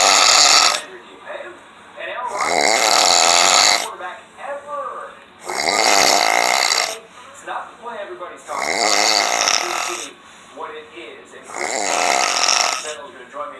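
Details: Snoring labeled "Gator", probably an alligator: loud, rough, rasping sounds about every three seconds, roughly 20 a minute, with quieter gaps between; snoring.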